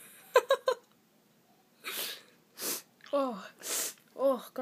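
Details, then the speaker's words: Person trying to sneeze with eyes open: a few quick breathy catches, then a short run of sharp sneezes with voiced lead-ins. "gonna try to sneeze with my eyes open. Okay. Oh. Darn, okay, I'm gonna try the other nose."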